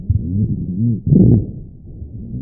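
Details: Rhonchi, played as a lung sound recognition quiz example.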